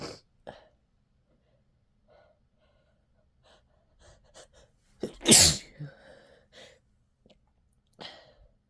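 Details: Person with a cold and an itchy, tickly nose induces a sneeze: sniffs and short breaths build to one loud, explosive sneeze, followed by quieter breathing and sniffing.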